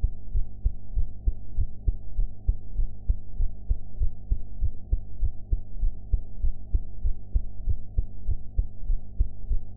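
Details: Heart sounds recorded after eating: regular, muffled paired heartbeats around 95 per minute over a steady low hum; ordinary heart sounds.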